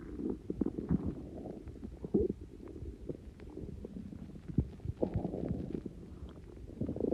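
Continuous low gurgling and bubbling rumbles with irregular pops; loud stomach growling from gas moving through the gut.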